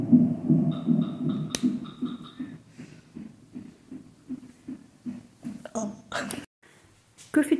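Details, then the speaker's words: Rapid rhythmic whooshing pulses, about 158 a minute, from a fetal heart monitor during hospitalization for strong contractions and threatened premature labour: fetal heartbeat. "pendant ces longs jours on avait un monitoring donc on entendait le cœur du bébé battre"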